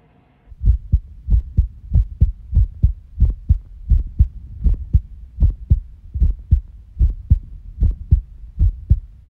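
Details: Steady paired lub-dub heart thumps at roughly 80 beats a minute with a low hum behind; presented as a real recording of the person's own heartbeat.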